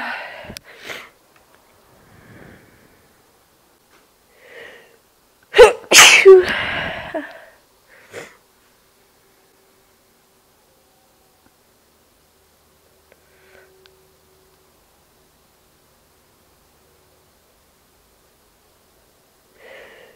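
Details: A few soft sniffs and small sneezes, then one loud explosive sneeze followed by quiet.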